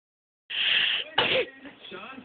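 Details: Baby girl sneezing: a short, sharp burst of sound followed by a brief voiced noise; baby sneeze.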